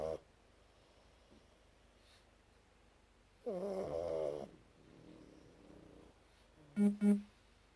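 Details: Sleeping pug in a quiet room: a rattling, snorting breath then two short nasal snorts; snoring.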